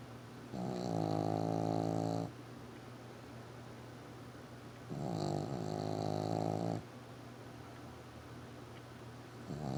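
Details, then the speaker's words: Sleeping dog snoring: two long, loud, buzzing snores a few seconds apart, with quiet breathing between them. "Wallace. Wallace. Why are you snoring?"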